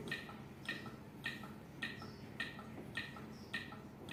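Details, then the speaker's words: Steady electronic clicks at about 105 per minute from a training AED in practice mode, pacing chest compressions during a CPR demonstration; the real device gives no beat. "CPR lakukan lagi CPR nah sesuai ketukannya kalau yang asli ini tidak ada ketukannya karena ini modenya latihan ID latihan makanya dikasih Irama"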